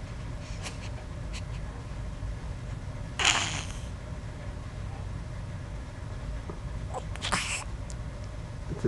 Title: Big Yawn Little Sneeze